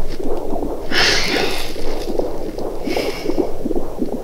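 Fast, regular whooshing pulses of a fetal heartbeat picked up on a pregnancy ultrasound scan.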